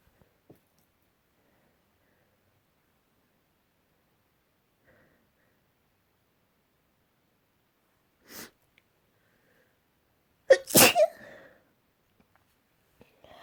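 Quiet room, a soft inhaled catch, then one sharp explosive sneeze with a brief trailing breath.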